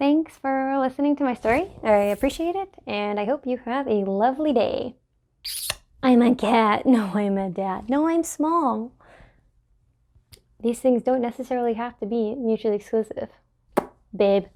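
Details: Adult woman with Tourette syndrome, tics re-emerged February 2020; complex vocal tics including repeated coprolalic phrases interrupting sentences, worsened by filming and suppression: Tourette syndrome complex vocal tics.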